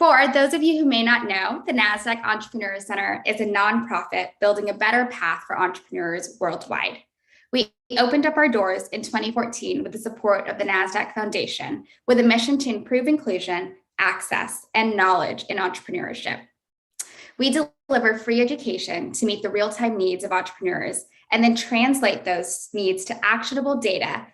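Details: Adult woman speaking; normal speech.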